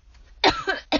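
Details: Person who is sick, with a smoky voice, coughing a lot, recorded in a parked car while inducing sneezes: two harsh coughs, the first trailing into a rough, throaty sound, then a quick second burst.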